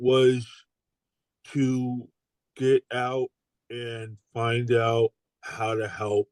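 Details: Adult stroke survivor with aphasia following stroke; aphasia.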